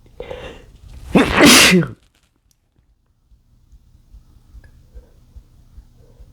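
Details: A muffled build-up breath, then one loud forceful sneeze breaking through a male's attempt to stifle it, sneezing triggered by chikni powder, followed by quiet breathing.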